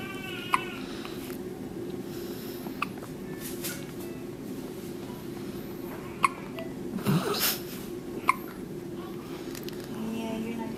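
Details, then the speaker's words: Brief sharp hiccups at irregular intervals over steady background hum from a newborn girl in a hospital nursery, who gets hiccups after eating and is falling asleep; harmless. "she's got the hiccups again she gets the hiccups every time she now she's falling asleep"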